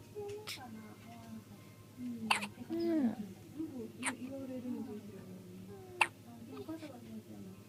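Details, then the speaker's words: Baby with ordinary hiccups, still hiccuping after finishing milk and apparently sleepy: three sharp, brief hiccup bursts a few seconds apart amid soft baby sounds and an adult voice. "まだひゃっこりしてる。"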